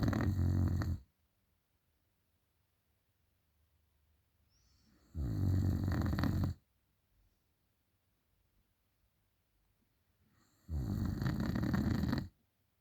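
Three deep, rattling inhaled snores about every five seconds, roughly 11 a minute, with silence between them: snoring.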